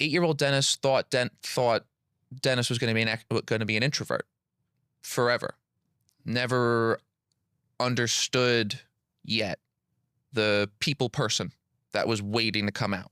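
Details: Adult man who has stuttered since childhood; audible repetitions of words and phrases, consistent with stuttering.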